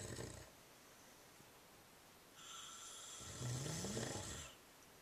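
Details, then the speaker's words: Grandmother and grandfather snoring in unison: two rough, rattling snore sounds, the second a longer, rising snort on the breath in; ordinary snoring. "They both snore."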